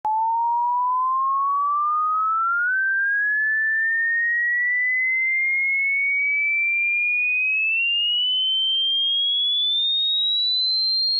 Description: This hearing test is to check the range within which how far can you, as a human, can audibly and possibly hear.